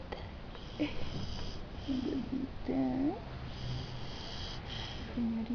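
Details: Female Basset Hound sleeping peacefully on an armchair, snoring.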